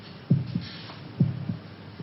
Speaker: can you hear your heart beating